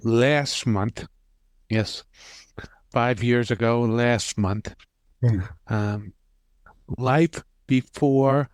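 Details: Aphasia five years after a stroke in an aphasia group member who finds speaking very difficult.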